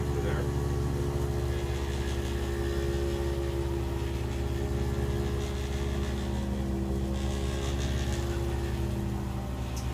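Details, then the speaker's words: Steady buzzing motor drone with faint room sounds: handheld percussion massager used with light traction during chiropractic treatment of a woman's low back and neck pain; she reports occasional dizziness and the massager making her cough; percussion massager in use. "Is the massager causing you to cough? Yeah, but it's fine. I like the feeling."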